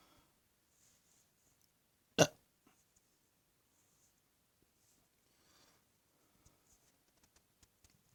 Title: My First YouTube Burps for 4 Weeks! Enjoy!